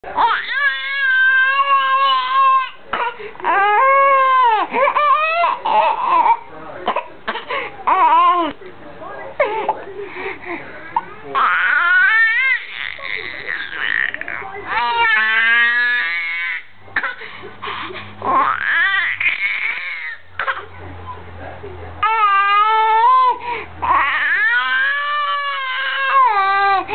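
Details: Four-month-old boy with laryngomalacia crying in bouts, with high-pitched, squeaky inspiratory stridor between cries.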